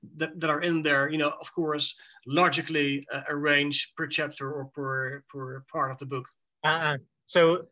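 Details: Adult man who says he has cluttering, speaking in conversation with fast speech, repetitions and fillers; cluttering.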